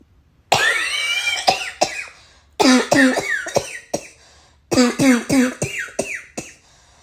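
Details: Barking cough on waking: three bouts of harsh, hoarse coughing with strained voiced tails.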